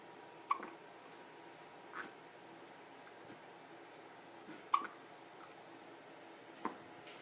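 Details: Person hiccuping while wearing a strawberry outfit: three or four brief, sharp, soft clicks spaced irregularly over seven seconds in a quiet room; hiccups.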